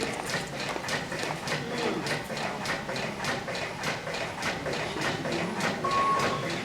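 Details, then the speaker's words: Fire rescue demonstration of a LUCAS mechanical chest compression device running during CPR, recorded with the microphone held close: steady mechanical thumping at about 100 per minute, with an occasional beep prompting bag squeezes once an advanced airway is in. "Now, the machine's going to be making all kinds of noises throughout. And I'm going to just put the microphone close so you can hear it."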